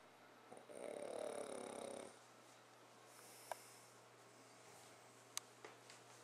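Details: Mother recorded snoring during sleep: one soft, fluttering snore over a second long, then quiet breathing and small room clicks; light snoring.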